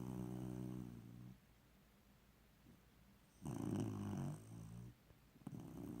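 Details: Snoring like a person: rumbling, vibrating breaths separated by a quiet pause, in a small quiet room.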